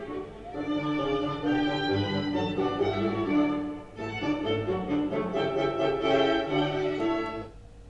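Classical string music with full, clear highs and lows, heard as a person with normal hearing would.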